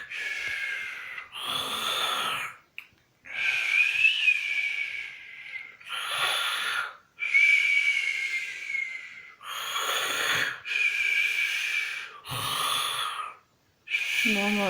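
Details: Man sleeping and snoring heavily: repeated noisy breathing cycles with a high whistling, rasping quality, about six breaths in fifteen seconds; loud snoring.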